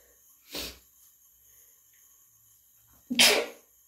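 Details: Two forceful sneezes a few seconds apart, the second louder; cat allergy sneezes, either induced or natural.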